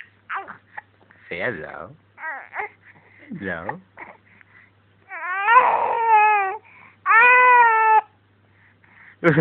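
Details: Fussy infant crying in short bursts with whimpers and babble, building to two sustained wails in a quiet room; hiccups are mentioned alongside the crying.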